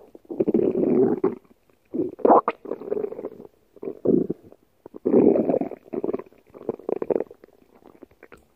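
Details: Loud, irregular gurgling and rumbling bursts with brief gaps between them; borborygmi (stomach growling).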